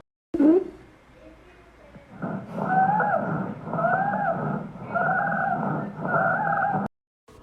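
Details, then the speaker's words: Lung auscultation demonstration of abnormal breath sounds: repeated breaths carry high musical whistling tones; wheezes from narrowed airways. "a continuación escucharemos las sibilancias respiratorias"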